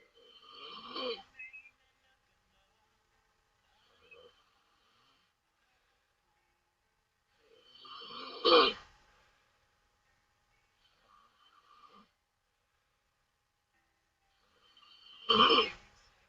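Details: Loud open-mouth snoring from a sleeping Taiwanese woman, three snores in sixteen seconds, each a harsh rattling inhale ending in a sharp burst, with long quiet gaps.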